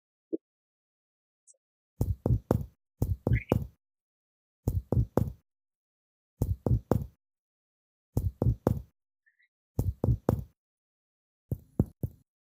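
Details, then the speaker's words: Percussion down each intercostal space on the right chest from the sternum: sets of three taps, note turning from resonant to dull, probably around the sixth intercostal space, marking the upper border of the liver. "so once we have a change from resonant to delve we know that this is the upper bottom of the liver"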